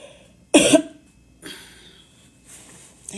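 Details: Adult coughing two hours after extended tummy tuck surgery with drains in, afraid to push too hard: a single short, weak, guarded cough followed by faint breathy sounds; cough.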